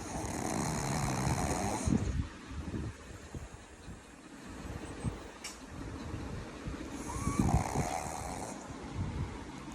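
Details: Two loud, rough, rattling snores with noisy breathing between them and some background noise; a person snoring.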